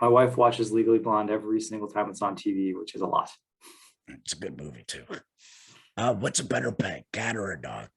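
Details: Adult man speaking; ordinary speech.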